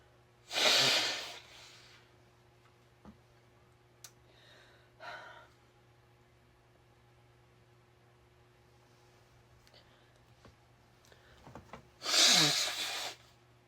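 Two sharp, forceful sneezes with quieter sniffs and breaths between them, in a quiet room. Sneezing.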